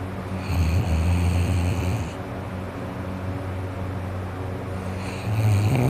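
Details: Adult with a cold and a congested nose and throat, asleep: loud, rough, low-pitched snoring with a rattling vibration over two breaths; snoring through a congested nose.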